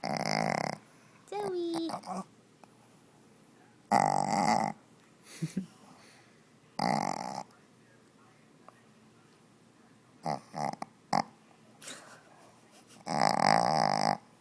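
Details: Snoring in a sleeping Shih Tzu puppy with a very short snout that makes breathing hard: irregular loud snorting breaths with quiet pauses and faint whimper-like sounds.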